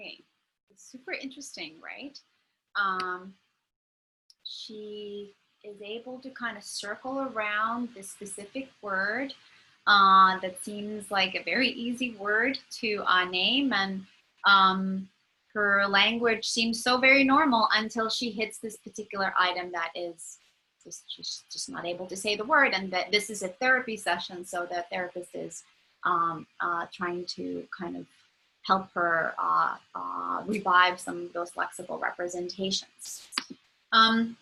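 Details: Adult lecturer; typical speech.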